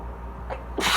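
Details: A short indrawn breath, then an explosive hissing sneeze over steady room hum, during an allergy fit while reading aloud about pollination; the person says they are highly allergic to Scots pine and juniper.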